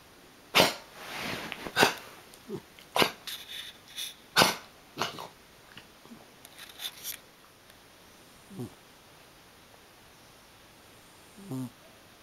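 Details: Dog cough: a run of about six short, sharp, harsh coughing bursts in quick succession, followed by quieter snorts and a final soft hack.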